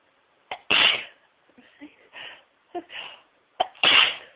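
Three clear sneezes, each a quick in-breath followed by a sharp explosive burst, with softer sniffly sounds between them.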